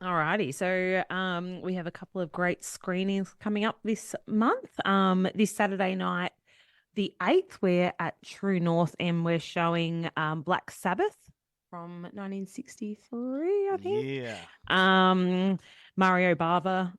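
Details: Adult woman speaking; normal voice.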